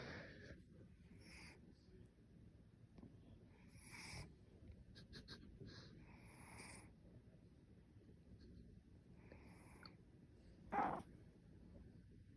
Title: My cat snoring.